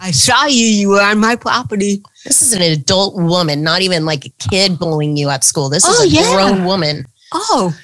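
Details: Adult woman; typical speech.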